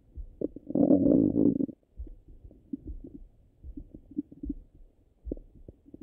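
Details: Stomach sounds, hungry and full states: a loud drawn-out gurgle, then scattered soft bubbling rumbles; normal digestive bowel sounds.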